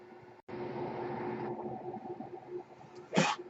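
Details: A steady mechanical hum with a faint whine, then a brief puff of air near the end, from the speaker's own ventilator in a quiet room during a podcast: mechanical ventilator noise.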